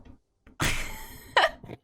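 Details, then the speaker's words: Hiccups in a streamer during a gaming livestream about two hours in, described as very bad: a brief noisy rush, then one sharp, abrupt voiced 'hic' with a faint trailing catch. "The hiccups are so bad right now."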